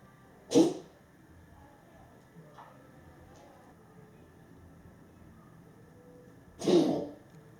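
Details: Dog coughing, recorded January 31, 2025: two short, sharp expulsive bursts about six seconds apart over quiet room noise.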